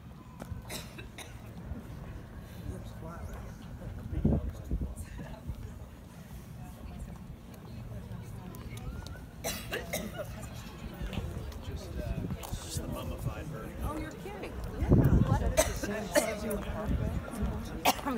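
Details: Harsh repeated cough bursts over low room rumble, an adult woman having a hacking coughing fit, then asking for water.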